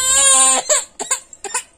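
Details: Baby crying: a high, tuneful wail, then a few shorter sobbing cries; ordinary infant crying.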